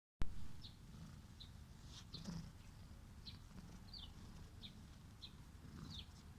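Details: A cat with a chronic nasal cold gives a low, rough purring rumble with congested, snuffly gurgling. Nasal congestion with snuffling breathing, birds chirping in the background.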